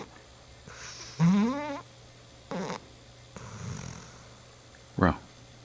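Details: Nine-month-old dog snoring like an old dog: several separate low rattling, vibrating breath noises with quiet gaps between them.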